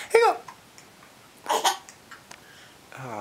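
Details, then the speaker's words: Two abrupt voiced gulping hiccups about a second apart in a quiet room, a voice starting at the end; hiccups. "do you like a cups hiccup hiccups are funny aren't they"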